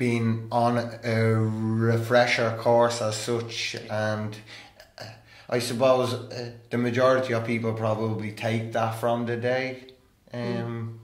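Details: Stuttering in an adult male who stammers and has attended stammering therapy.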